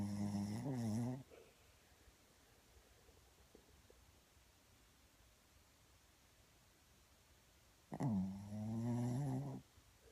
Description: Our little Shih Tzu snoring while cuddling